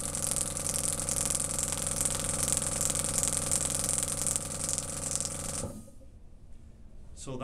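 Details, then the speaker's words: Radial shockwave applicator firing on a female patient with sacroiliac pain in a chiropractic office, muscular component, preset shocks, intensity and frequency; rapid steady mechanical tapping, about three pulses a second, loud hum, stopping abruptly near the end. "a sample of how the Shockwave treatment works"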